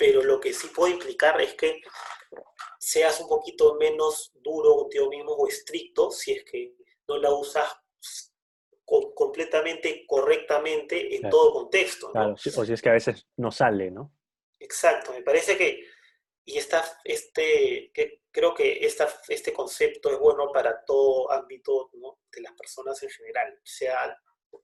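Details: Person who stutters, speaking Spanish in a podcast conversation; stuttering.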